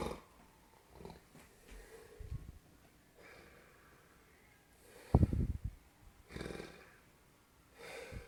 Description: Snoring ugly grandpop